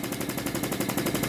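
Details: A high-frequency oscillatory ventilator is being set up, with mean airway pressure at 23 and alarm limits set at 26 and 20. It makes a rapid, continuous rattling buzz, about 900 oscillations a minute.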